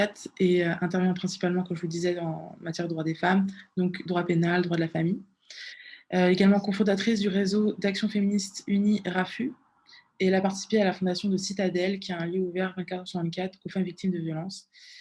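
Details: Adult woman speaking French; Normal speech.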